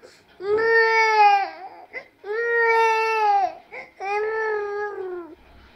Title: Funny Babies Crying